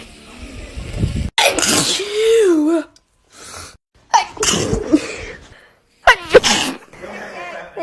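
Three sharp, voiced sneezes in a row, each a sudden explosive burst with a brief vocal cry.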